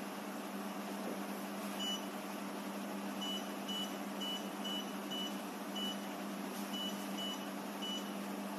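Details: Steady machine fan hum with a series of short high beeps as a fractional CO2 laser at 30 W fires in a sequential 3-line scan, 20 points per line, test-fired onto paper in vaginal (intimate) mode; laser firing.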